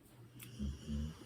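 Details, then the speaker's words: Pit bull passed out asleep on a couch: two low, rumbling snore breaths; ordinary sleep snoring. "I apologize if you hear the snoring my pit bull is it passed out on she's she's I can't zoom but she's she's passed out there on the couch snoring song logs"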